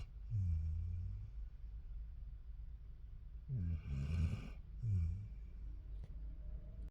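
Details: Snoring recorded in a car, three low rumbling snores on inward breaths over steady car hum; he snored louder before recording began, then got quieter.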